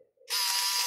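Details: Conmed Hall 50 surgical bone saw, reported failing in surgery, tested on a bench power supply drawing 1 amp: high-pitched motor whine starts abruptly and runs steadily; the saw works, and the battery is suspected as the fault.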